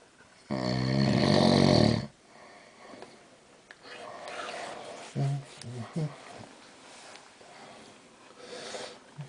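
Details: Adult man (husband) snoring during sleep at night in a dark room: one loud, rattling, drawn-out inspiratory snore, then quieter breathing and faint rumbling in a quiet room.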